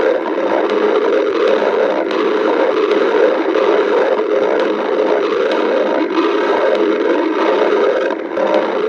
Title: Pica stomach growling 6